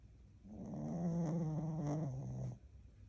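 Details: Sleeping dog snoring: a single low, rumbling, vibrating snore lasting about two seconds.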